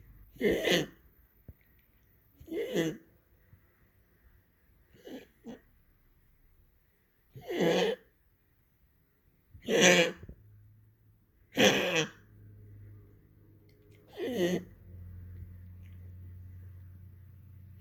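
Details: Animal coughing much more frequently than before: seven separate harsh, explosive coughs spaced a few seconds apart over about 15 seconds; frequent coughing.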